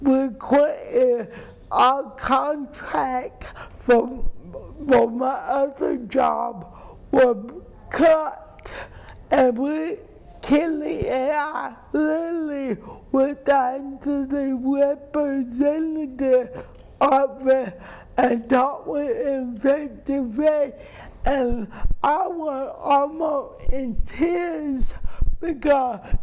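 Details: Dysarthria from cerebral palsy in an adult woman.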